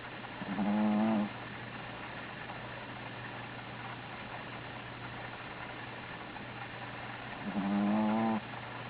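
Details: Sleeping female Belgian Griffon dog snoring: two loud, buzzing snores about seven seconds apart, a low-pitched upper-airway stertor.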